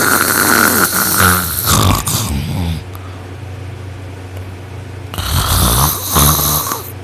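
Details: Person asleep on their back with their arm thrown over their head after a long day of work, snoring: loud, rough snoring with coarse rattling, two long snores separated by a quieter pause.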